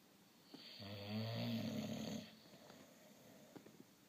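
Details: Sleeping baby snoring: a single low, rattling snore lasting about a second and a half on the in-breath, then quiet breathing; ordinary snoring.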